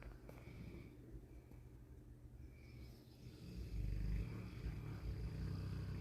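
Low, rumbling rattling breath noise from a large sleeping dog, loudening in the second half; heavy snoring.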